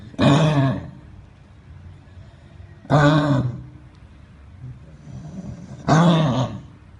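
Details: Dog coughing at a veterinary clinic: three harsh, honking cough bursts about three seconds apart, with quiet room noise between.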